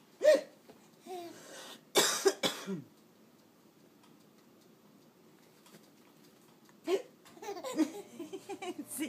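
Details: Baby boy laughing at his own hiccups, his chest moving deeply: abrupt short gulping hiccups mixed with giggles and breathy laughter; ordinary infant hiccups.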